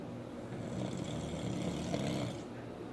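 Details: Adult husband asleep, who snores louder after drinking: one long, loud, rough rattling snore; heavy snoring.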